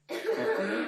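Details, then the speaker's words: An 11-year-old girl with an undiagnosed chronic cough for two and a half years, with coughing fits almost every 10 seconds. A brief, voiced, strained cough burst, possibly reflecting voice damage or altered airway structure. "öksürüğü duyduğumuz zaman seslendiğini zorlandığını görüyoruz sürmenin getirdiği bir seslerdeki zedelenmede olabilir veya hava yolunu normal yapısını kaybetmiş olabilir"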